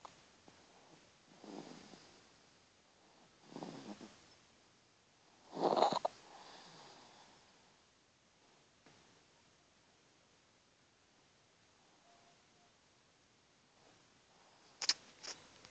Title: Baby snoring loud